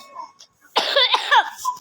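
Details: A child gives one harsh, voiced cough burst lasting under a second after a quiet moment; a cough.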